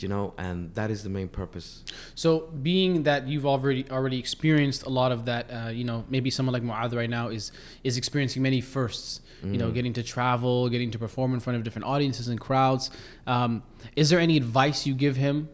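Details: Adult man speaking; Normal speech.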